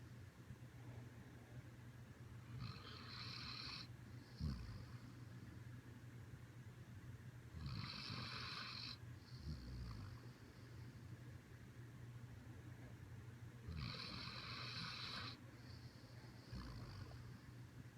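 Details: Siberian husky snoring: regular rasping breaths about every six seconds, roughly 10 per minute, each with a soft trailing puff, over a steady low hum.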